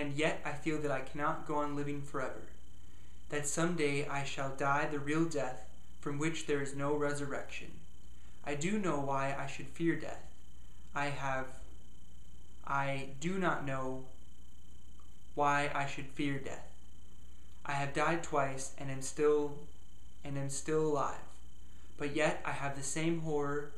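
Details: Person who stutters reading a passage aloud before a self-hypnosis stop-stuttering session, with word repetitions heard; stuttering.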